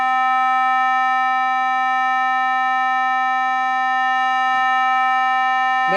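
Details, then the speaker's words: Charged-alarm tone from a Nihon Kohden biphasic defibrillator in manual mode: a loud continuous beep that signals a 30-second window to deliver the shock before automatic safety discharge. "Alarm करता रहेगा, alarm ये एक continuous beep देगा आपको कि charge है machine, discharge कीजिए, और दोनों इंडिकेटर भी चलते रहेंगे आपके डिस्चार्ज के।"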